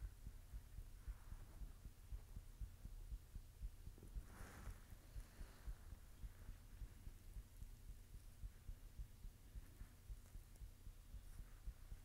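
Soft, steady low thumps of a heartbeat under a constant hum, roughly 115 per minute; a normal heartbeat.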